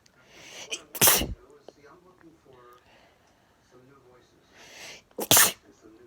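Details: Two loud, sharp, weird-sounding sneezes, each preceded by a brief indrawn breath, with quiet voices between them.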